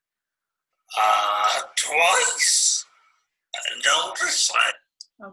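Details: Male client after a brainstem stroke affecting the cerebellar connections and pyramidal tract, reading the Grandfather Passage; mixed ataxic dysarthria.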